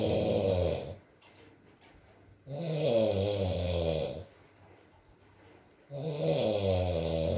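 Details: Adult male (boyfriend) snoring during sleep, ASMR recording: loud rattling snores on each breath, about 18 a minute, with quiet pauses between; soft rain in background.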